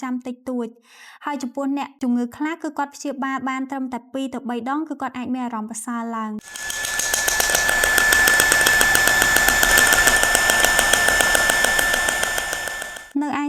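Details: Radial shockwave therapy (RSWT) handheld device firing after brief speech: rapid, regular mechanical tapping at about three to four pulses a second, used for tendon, joint and soft-tissue pain.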